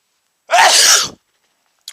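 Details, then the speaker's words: One loud, explosive, hissing sneeze lasting under a second, then silence, after sniffing chhinkni sneezing powder, with eyes watering heavily; irritant-triggered sneeze. "my eyes are watering like crazy and I'm going to sneeze I just sneezed again you probably guessed that"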